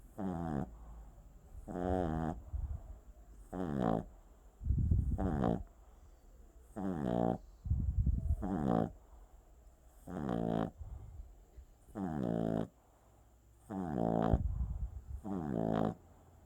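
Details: Boston Terrier puppy snoring while asleep: steady cycles of short, squeaky, whistling snores alternating with low rumbling breaths, about fifteen a minute.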